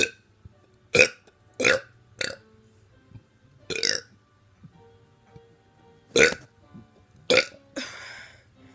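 About seven loud, deliberate burps in quick succession over nine seconds, in a quiet room.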